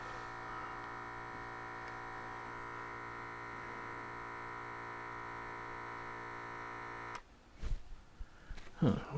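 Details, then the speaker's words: Steady motor buzz of a Withings BPM Connect automatic blood pressure cuff inflating, then stopping, then handling noise, during a self-measurement at home; cuff possibly not on tight enough. "Sorry for the funky sound if you're hearing the vibration of it tightening up and starting to fill up with air."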